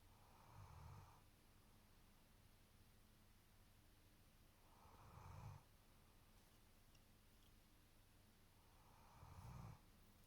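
Three low, rumbling snores at regular intervals, about 14 breaths a minute, in a quiet room.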